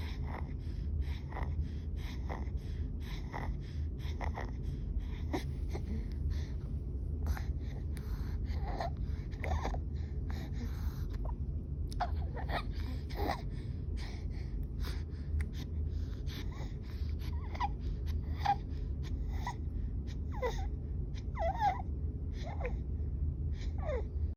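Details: Infant in hospital with breathing difficulty: rapid, noisy breathing with harsh, high-pitched noise on breathing in, inspiratory stridor, a sign of trouble breathing.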